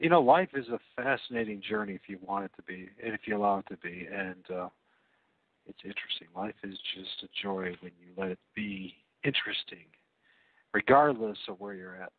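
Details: Adult male speaker; Normal speech.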